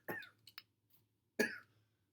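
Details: Person sick with a chest cold: two short, dry coughs with a faint throat sound between them, in a quiet room; cough.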